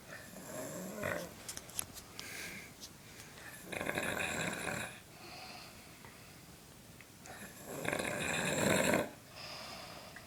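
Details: Harsh, rattling snores on each breath, roughly every four seconds, with hissing exhalations between them in a quiet room; a dad snoring.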